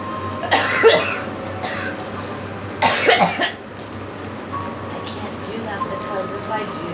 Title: Girl coughing